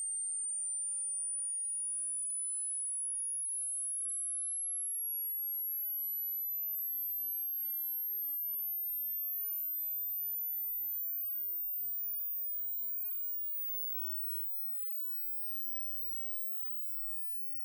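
A steady pure whistle tone rising slowly from very high to the top of hearing, then fading to silence; a hearing-test tone sweep.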